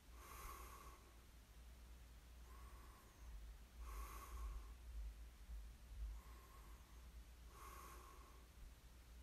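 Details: Light snoring during sleep: quiet, soft rasping breaths repeating over a steady low room hum; snoring.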